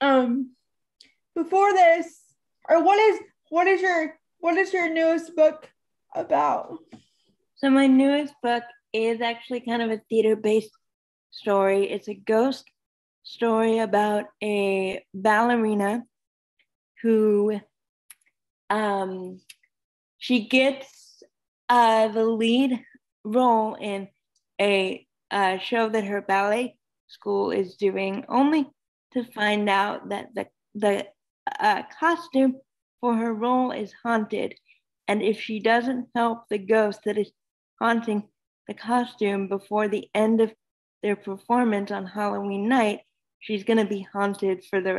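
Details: Adult female speakers, interview; ordinary conversational speech.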